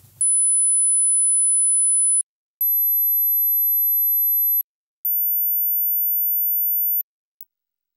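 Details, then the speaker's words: Hearing test in three steps: steady, very high-pitched pure tones about two seconds each, rising in pitch, after an 8000 Hz reference tone audible at all ages; checks age-related high-frequency hearing loss, headphones advised. "Wraz z wiekiem słabnie zdolność do słyszenia wysokich częstotliwości. Które z kolejnych dźwięków słyszysz?"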